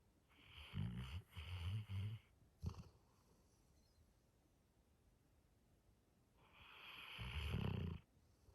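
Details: Low rumbling snores with fluttering breaths, a few in quick succession, then a longer snore after a pause; a sleeping Labrador Retriever snoring.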